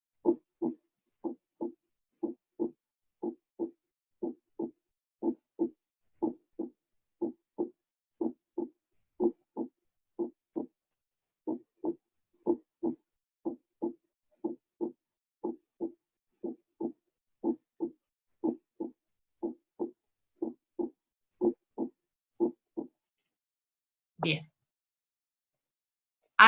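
Steady paired lub-dub thumps at about 60 beats a minute, with no extra sounds between them: normal first and second heart sounds. Two brief noises at the end.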